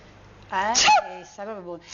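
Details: A voiced intake rises into one sharp, high sneeze, followed by a short vocal sound; the sneezer thinks flowers are the cause; a single sneeze in a sneeze compilation.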